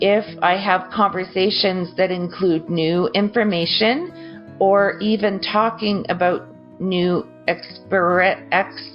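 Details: Broca's (non-fluent) aphasia after a stroke injuring the Broca region in an adult; choppy, garbled, unfluid speech with word-finding difficulty.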